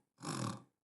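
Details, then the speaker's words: In a lecture on diagnosing asthma in preschool children, a doctor imitates stertor for parents when language is a barrier: a single brief, low, rough rattling breath. Imitated snoring, which he notes usually appears during sleep. "ster is something like that like that that sound will be there snoring everybody knows"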